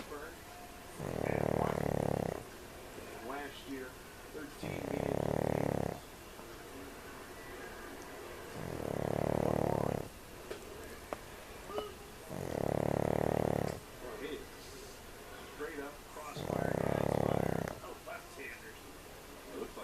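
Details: Pug snoring in sleep, owners suspect her small nose restricts airflow, snores loud enough to rattle windows: five regular rumbling snores, about 15 breaths a minute, each over a second long.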